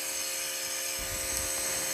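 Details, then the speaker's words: Onemade air-compressing home nebulizer for a child, used for breathlessness from cough, cold, allergy or asthma, running with a steady high-pitched whine and buzzing hum; described as not very noisy and working properly. "kan keluar asapnya ya bunyinya seperti itu ya jadi enggak terlalu bising banget sih tuh"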